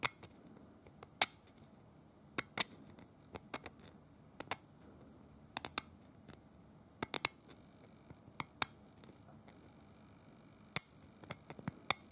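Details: Manual dental scaling demonstrated on a painted teeth model, not a real patient: irregular sharp metallic clicks and scrapes of a hand instrument.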